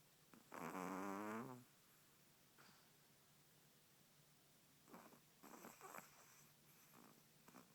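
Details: Remy snoring during REM sleep: one loud, rattling, buzzy breath followed by softer noisy breaths in a quiet room; snoring.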